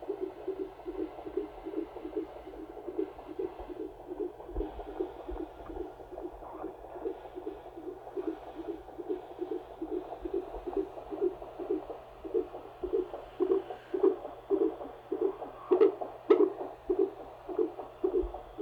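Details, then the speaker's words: During labour at the midwife's house after the waters broke, with contractions five minutes apart, a rapid whooshing fetal heartbeat on Doppler runs higher than it should, nearly 180 at times, with dips to a reasonable range; fetal tachycardia. "yeah i mean it's higher than it should be for sure but it's also making dips down into a reasonable area but we don't like it going too hard that high"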